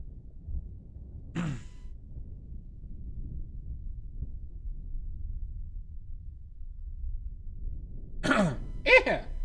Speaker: exuse you oh God this this cough oh that sounds that's sounds cozy but also unsettling